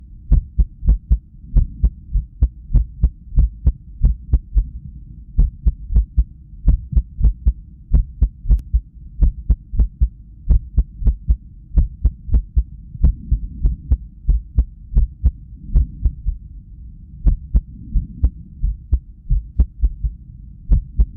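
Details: Cardiac ultrasound with sound, recorded at rest during arrhythmia brought on by lack of sleep: low, thudding heartbeats over a steady hum, unevenly spaced with occasional pauses, an irregular rhythm.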